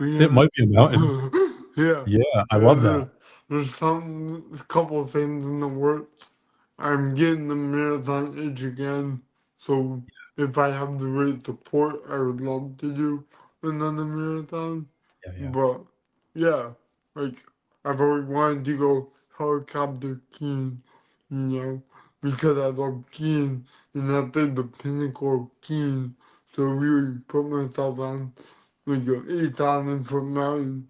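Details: Adult man with dysarthria from cerebral palsy present since birth; he says CP affects his neck muscles, deepening his voice and making talking hard.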